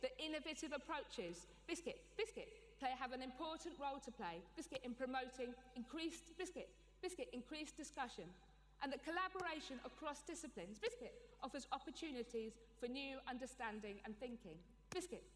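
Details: Adult woman with Tourette syndrome, with frequent vocal tics such as 'biscuit' and 'hedgehog' and with coprolalia; Tourette syndrome vocal tics.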